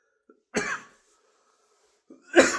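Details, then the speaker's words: Man with ALS, still fighting a chest cold, coughing while talking: two short, harsh cough bursts a couple of seconds apart, each with a brief catch before it. "Uh just finding songs that I thought were excuse me still fighting that chest cold. Goodness."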